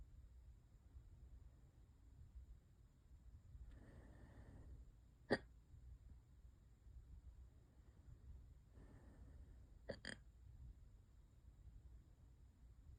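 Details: Person with hiccups for hours, worsening: two sharp, abrupt hiccups, each after a soft breath, in a quiet room.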